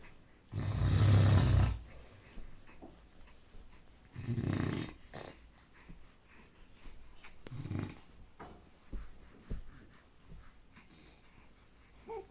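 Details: Baby snoring while asleep: low rumbling snores repeating every few seconds, with quieter breaths between them.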